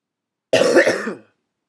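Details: Simple vocal tic of Tourette syndrome in a person showing their own tics: one abrupt, harsh throat-clearing burst lasting under a second.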